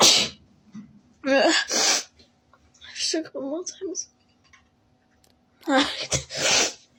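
Several loud, explosive sneezes, some preceded by a sharp indrawn 'ah', with brief voices between; sneezing triggered by a nasal swab.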